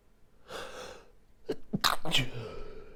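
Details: Stifled sneezing fit on waking in the morning, said to happen nearly every morning: a drawn-in breath, then a quick run of three muffled, held-back sneezes.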